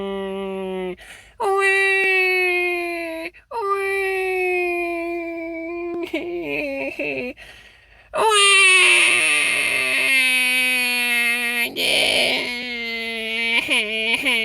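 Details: Baby crying after losing its pacifier, in long, high wailing bursts with brief pauses for breath, rising to louder sustained cries; infant crying.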